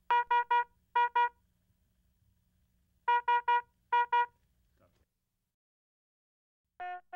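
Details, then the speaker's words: HeartStart MRx monitor/defibrillator high-priority red alarm, urgent electronic beeps in repeating bursts of three then two, warning of a life-threatening condition such as asystole or ventricular fibrillation. "a red alarm warns of a life-threatening condition such as asystole or ventricular fibrillation the cause of the alarm displays here with a red background and sounds like this"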